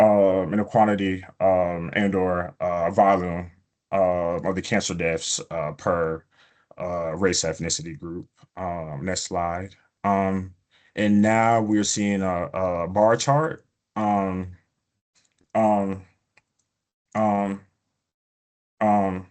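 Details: Adult male who self-reports stuttering, with prolongations of words or sounds, blocks and repetitions: stuttering.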